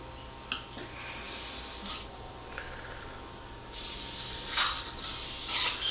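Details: Hissing suction, spray bursts, brief mechanical whirs and clicks during flapless guided immediate implant placement at tooth #13 after extraction for crown-root fracture, with dual zone graft; dental surgical instrument sounds.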